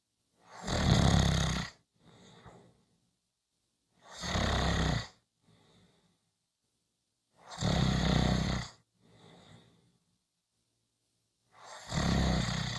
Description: Short snoring Clip, come back on Friday for a longer snoring audio.